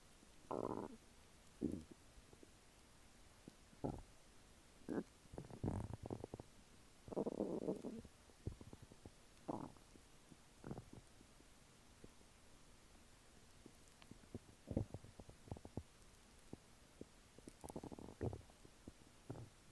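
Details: Active normal bowel sounds after a meal of chicken nuggets and fries: frequent irregular gurgles and rumbles from the lower abdomen.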